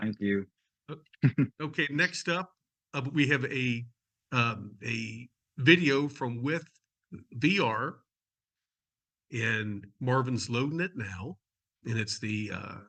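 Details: Adult male speaker; ordinary adult speech.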